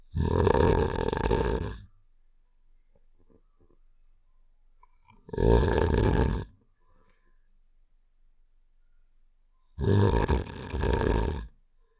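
Three loud, rough, rumbling snore-like sounds about every four to five seconds, with quiet gaps between; a game sound effect imitating snoring.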